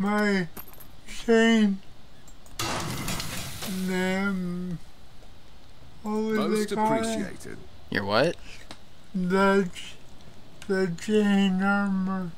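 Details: Father with cerebral palsy; dysarthric speech (cerebral palsy).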